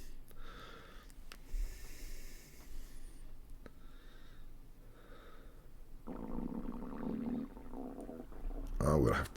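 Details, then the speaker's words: Hungry adult's stomach gurgling while painting a miniature: low bubbling gurgles and rumbles with a louder burst near the end, ordinary hunger borborygmi. "Kind of a few people hearing the sound of my stomach gurgling. I'm going to have to go and get some food."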